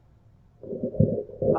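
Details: Normal bowel sounds in a female patient, auscultated during a head-to-toe physical assessment.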